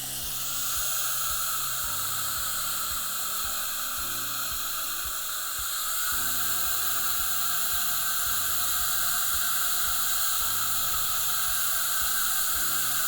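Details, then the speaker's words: Steady high whine of a slow-speed dental drill with fine-grit carbide bur texturing and feathering composite onto enamel during Class V restorations for gum-line erosion on upper front teeth #8-9, soft background music. "with a slower spinning drill like this i'm not worried about damaging the enamel this is a really fine grit carbide so totally safe to do"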